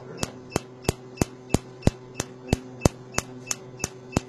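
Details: Sharp, evenly spaced snapping clicks, about three per second, from a Q-switched Nd:YAG laser (1064/532 nm handpieces) firing during tattoo removal.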